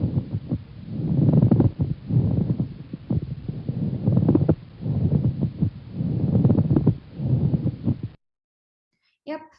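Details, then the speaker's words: Pleural friction rub, described as inflamed parietal and visceral pleura rubbing together, like stones sliding against each other, distinct from crackles. "the parietal and fistula blur will rub against each other causing the sound what we call as the plural fiction wrap and the sound is is similar to you um like sliding stones again each other so it's that kind of sun"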